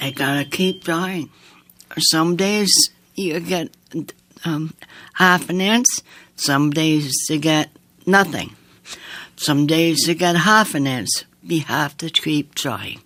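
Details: Woman with aphasia after an aneurysm, a heart attack and two strokes in 2012 at age 54, with right-sided paralysis; she relearned speech over nine months with a speech-language pathologist, sings more easily than she talks, and is worse when tired; aphasia.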